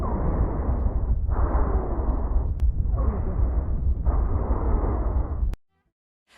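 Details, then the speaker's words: Wheezes (sibilos): musical, higher-pitched, longer-duration adventitious lung sounds, in a nursing-student physical exam teaching segment on posterior and anterior chest auscultation. "sibilos São Luís musicais ouço rãs mais agudos de maior duração audíveis"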